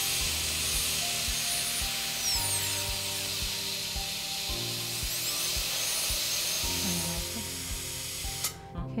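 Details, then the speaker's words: Steady high-pitched dental drill whine with low hum and soft music, drilling out an old mesiofacial filling on tooth 7 under rubber dam in a numbed patient, before bevelling for a Class III composite restoration. "got most of the restoration drilled out so now we're just going to do a bit of a bevel and you can do more like a starburst bevel as well just to get different planes of the enamel and better blending with your product"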